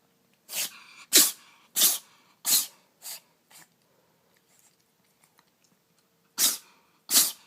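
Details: Pet cat sneezing for over a minute: eight sharp, hissing sneezes, six in quick succession and two more after a pause.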